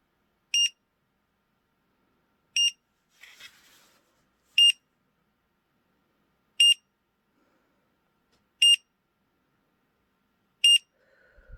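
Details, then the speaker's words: Short high beeps every two seconds: pulse oximeter alarm as oxygen saturation falls below 95% in a woman with POTS and EDS, lying down and already tachycardic, recorded for her doctor. "the oxometer is beeping at me because my oxygen saturation fell below 95 and yeah that's another thing that happens when this is happening"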